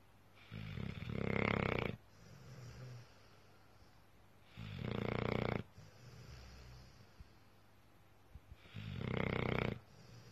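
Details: Pit bull (XL American Bully) snoring loudly while asleep: loud rumbling snores, three breaths in about ten seconds (roughly 17 per minute), with quieter exhalations between.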